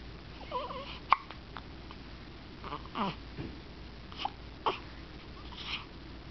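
Several short, abrupt voiced catches at irregular intervals with soft breathing and faint babbling; hiccups.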